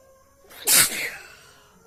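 A single sharp, explosive sneeze with a quick breath beforehand, faint music in the background.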